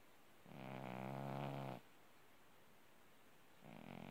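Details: A low, fluttering snore on one breath, then the start of the next, from a sleeping orange tabby cat.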